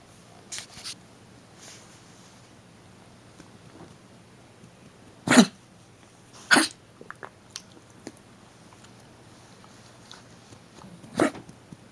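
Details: A dog with kennel cough, confined indoors, gives a few short, sharp, dry coughing bursts in a quiet room.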